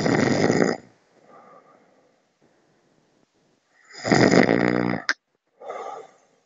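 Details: Person snoring during sleep, described by their partner as loud: two loud, rough, rattling snores separated by quiet exhalation, each followed by a brief snort.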